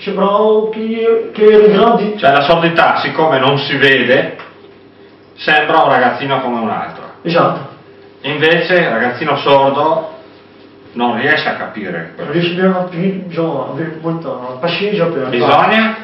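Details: Adult male speaker; typical speech.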